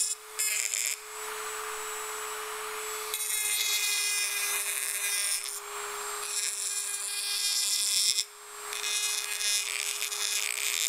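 High-pitched whining drill in bursts with a steady tone underneath, typical of a dental drill working on teeth.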